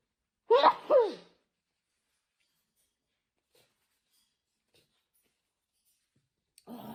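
A quick double sneeze with a voiced cry-like sound, then quiet; sneezing set off by a nasal swab.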